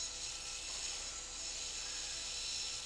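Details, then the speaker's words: Steady high-pitched grinding hiss of a surgical diamond drill removing ear-canal bone lateral to the malleus during right tympanoplasty on a 10-year-old girl with an eardrum perforation from a Q-tip injury. "Again, we got to be very careful that we don't hit the malleus as we're doing this sort of drilling. We want to stay lateral to it and get this opened up, and then we can come a little bit more closer to"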